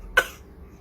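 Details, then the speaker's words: Young girl coughing on request as an imitation, after being asked how we cough when we catch cold: a single short, sharp cough burst, then a quiet room. "Bir de öksür bir de bir de bir daha öksürelim bir daha öksürelim nasıl öksürüyoruz"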